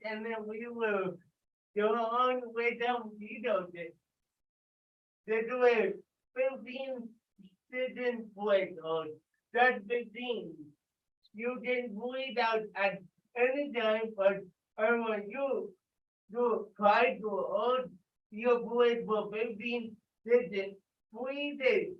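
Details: Adult with cerebral palsy speaking during a live workout session, told to talk loudly; dysarthria (cerebral palsy).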